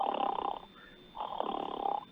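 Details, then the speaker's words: Loud rough rattling snoring in two breaths separated by a short quiet gap, from upper airway (uvula and throat tissues) collapsing and blocking the airway; obstructive sleep apnea, described as dangerous because of oxygen lack at night. "Snoring जाती है और इसी को खर्राटे बोल तो यह बहुत खतरनाक होती है"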